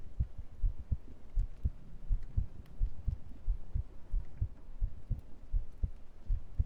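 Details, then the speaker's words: Soft, steady heartbeat thumps at roughly 85 beats a minute under a faint background hiss, recorded during an ASMR stream; ordinary heart sounds. "I know. Perfect time for heartbe. I hope it's going well."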